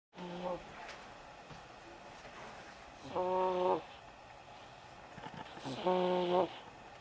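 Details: Snoring from Winston: three tonal, buzzing breath sounds at regular intervals against outdoor background noise.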